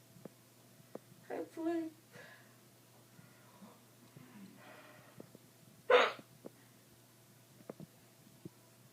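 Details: Woman with hiccups after wisdom tooth extraction, posing for photos: a few abrupt voiced hiccups, one sharp and loud, with small clicks and quiet room noise.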